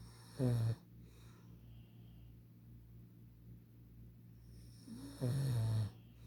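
Two low, rattling snores about five seconds apart, roughly 12 breaths a minute, with quiet between; ordinary snoring.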